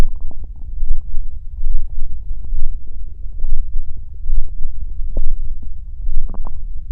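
Low rumbling and gurgling with irregular bubbly pops over a steady low hum; ordinary stomach growling, harmless bowel sounds.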